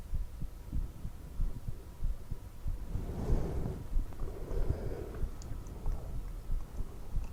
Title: Heartbeat sounds for relaxation